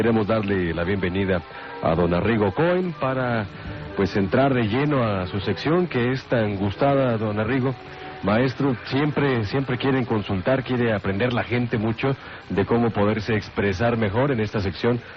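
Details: Adult man speaking Spanish on radio; normal voice.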